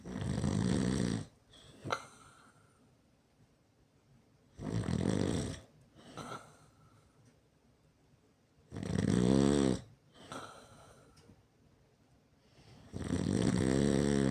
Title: Me snoring pretty loud